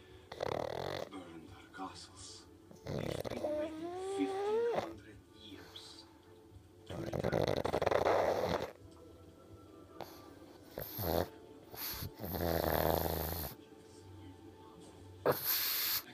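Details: Sleeping pug snoring: snuffling, rumbling snores from a small flat-faced dog, partly masked by film dialogue and music playing nearby.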